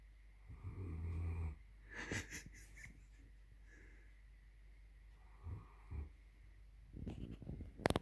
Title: german shepherd snores loudly